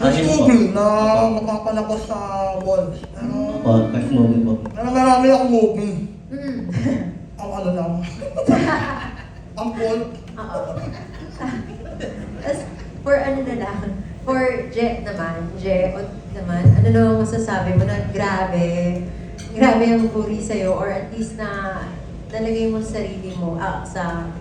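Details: Cleft palate speech (hypernasal speech) from a cast member of a film about cleft palate speech, who indicates they share the condition.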